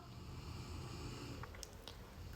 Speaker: si tu entends quelqu'un ronfler c'est mon chien, d'accord ?